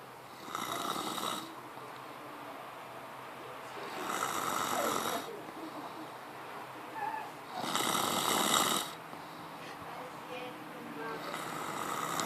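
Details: Loud, flapping, raspy snores about 17 a minute, with airy breaths out between, from a sleeping brother snoring with his mouth open; open-mouth snoring.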